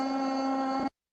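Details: Patient with right unilateral vocal fold paralysis after hyaluronic acid vocal fold injection; voice improved: improved voice after vocal fold injection for unilateral vocal fold paralysis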